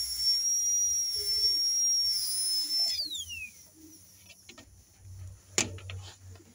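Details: High-speed dental drill whine, dropping in pitch as it slows and stops, then faint clicks, during tooth preparation for a veneer on an anterior tooth: rounding the angle between the labial face and incisal edge and smoothing the preparation.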